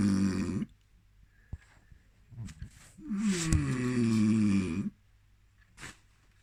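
Loud, low, rattling breaths, one long drawn-out groaning intake; snoring from vibrating throat tissue during sleep.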